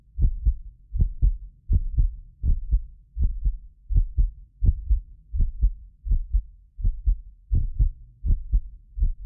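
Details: Heartbeat of a medically fit person recorded with several precision contact microphones: steady lub-dub about 82 a minute, normal rhythm; occasional doubled click is a ~6 ms microphone-delay artifact, not heart disease. Normal heart sounds.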